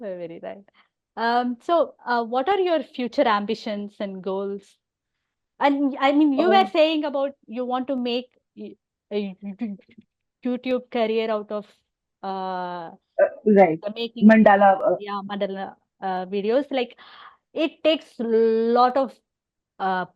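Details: Adult woman who stammers openly (overt stammering) and has hearing loss; stuttering.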